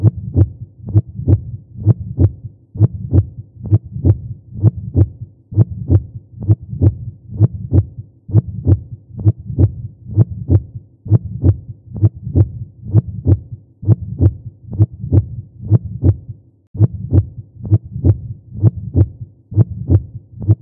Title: Heart Beat - Sound Effect [HD]